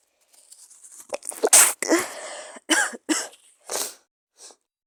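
Several harsh, breathy cough bursts, some partly stifled, with a sneeze-like burst among them.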